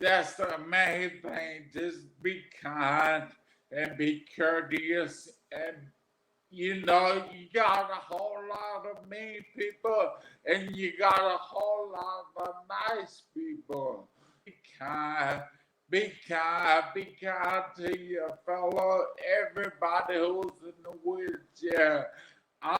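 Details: Adult man with aphasia after three strokes caused by an arteriovenous malformation at age 27; 13 years post-stroke, uses a wheelchair.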